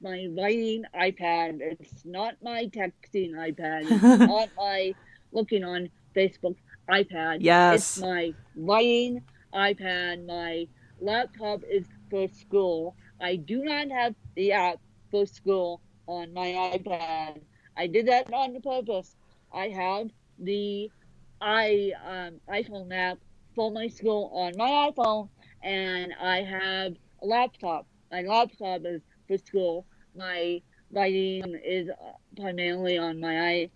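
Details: Adult woman born with cerebral palsy affecting both sides of her body; speech largely unintelligible to automatic transcription; dysarthria (cerebral palsy).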